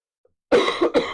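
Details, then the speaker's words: After a pause, an adult gives a short bout of about three quick, rough coughs, attributed by him to phlegm in his lungs; cough. "He sounds like that. Like he he does sounds really sick. Hopefully he's not. >> It's just It's just a flame I have in my in my lungs."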